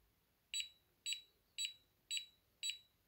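Sharp high-pitched beeps repeating about twice a second, five in a row: a breathing monitor alarm sounding.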